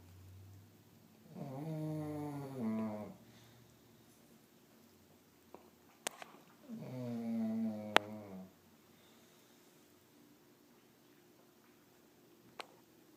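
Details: Snoring in sleep: two long, rattling snores on in-breaths about five seconds apart, with a few faint clicks between them, in a quiet room; ordinary snoring.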